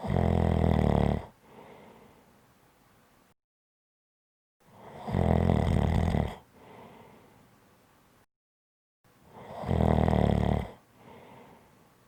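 Loud, rough, low snores on each breath in, with quieter breaths out between them, about three snores in twelve seconds.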